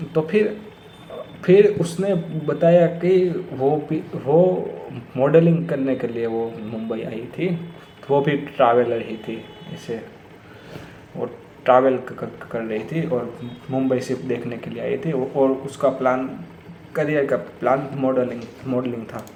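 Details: Stuttering in an adult man speaking Hindi who says he has stammered for many years.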